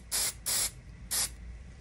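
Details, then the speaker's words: Three short hissing bursts of refrigerant cold spray onto cotton, used for cold testing of a tooth's nerve to decide whether it needs a root canal. "first way that we test a nerve is using cold spray we actually this a refrigerant spray that we spray onto a piece of cotton and it looks like"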